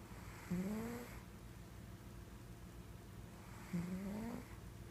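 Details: Pet cat snoring; two short, rising, whistly snores about three seconds apart over a steady background hum.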